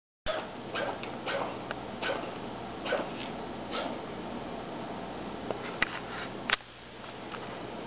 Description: Booger has been coughing lately